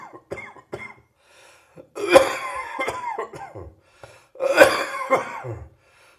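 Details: Residual morning cough in an adult: two loud, rough coughs with short throat-clearing sounds between them.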